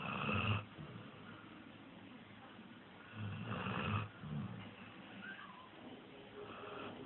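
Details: Sleeping puppy: soft, rattling snores recurring at roughly 17 breaths a minute: snoring.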